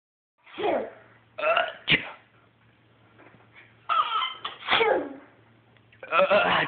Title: Woah! I've never seen such a huge sneeze!